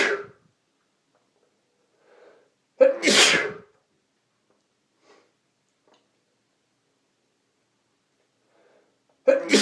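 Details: Three forceful sneezes: one at the start, a loud burst midway with its wind-up breath, and another beginning at the end.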